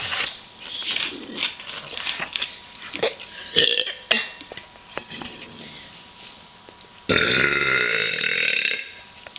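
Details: Two girls in a burping contest after chugging a 2 L Dr Pepper: several loud burps ending in a long drawn-out belch, with laughter and chatter.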